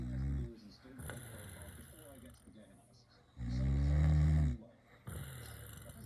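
Deep, rattling, rumbling breath noises, with one long loud snore, separated by quieter breathing; snoring.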